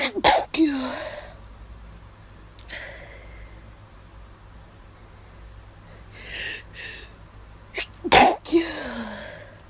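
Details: Person with an itchy nose for hours, sneezes induced: several sharp, partly held-back sneezes, each with a quick intake of breath, quiet room, groaning that they are hard to stifle; stifled allergy sneezes.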